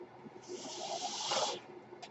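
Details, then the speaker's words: Sound of the podcaster's own mechanical ventilator, audible while he speaks; a mechanical ventilator breath cycle. "my name is that noise you're hearing is my ventilator and welcome page turners that were not my stores podcast"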